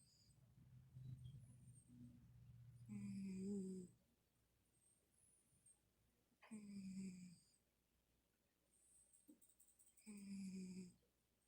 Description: My cat Middy snores.